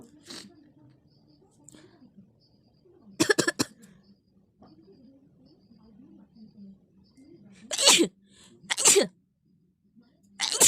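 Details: Sneezing and nose-blowing recording: a few sharp sneezes and nose-blowing bursts with soft voice sounds between them, in a quiet room.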